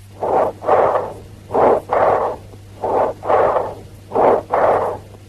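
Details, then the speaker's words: Loud, harsh, higher-pitched blowing breath sounds with a clear pause between inspiration and expiration, heard by stethoscope diaphragm over larynx, trachea, upper sternum or lower cervical spine of a normal chest: normal tracheal/bronchial breathing. "Over the larynx, trachea, upper sternum and posteriorly over the lower cervical spine, you can hear the loud, higher pitched and blowing tracheal or bronchial breathing."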